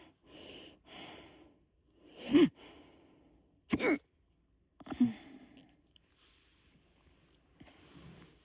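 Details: Hiccups that appeared after a few beers, in someone who rarely gets them: soft breaths broken by sudden sharp gulping catches, irregular, about three in eight seconds.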